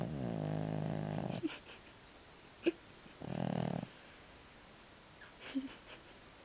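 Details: A sleeping cat gives loud, low, rattling snores on the in-breath, louder than the TV, with a quieter snore a couple of seconds later and small clicks between: snoring.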